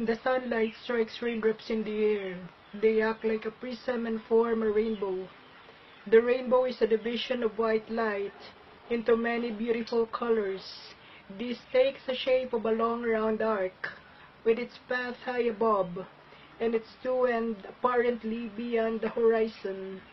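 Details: Adult male with spasmodic dysphonia since 2014, strangled voice that kept cutting off; first misdiagnosed as laryngopharyngeal reflux, botox unsatisfactory; reading the rainbow passage a few hours after Isshiki type II thyroplasty, showing marked improvement.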